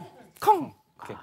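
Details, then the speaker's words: Adult ENT specialist imitates a croup cough: a harsh, barking, seal-like burst caused by sudden contraction of the upper airway, presented as a middle-aged health warning sign that can bring breathing difficulty. "그런데 이 기침 소리가 나시는 이유는요 상부 기관 제가 급격하게 수적 수축할 때 나시는 소립니다"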